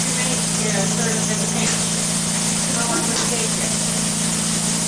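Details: Low-cost homemade pandemic ventilator prototype running during a live demonstration: a steady mechanical hum with hissing air and faint rhythmic cycling.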